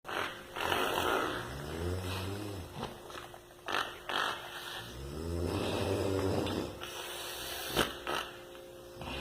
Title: SNORE like a BEAR 🤣 🐻 😂 🎭 2 (snore) |bear|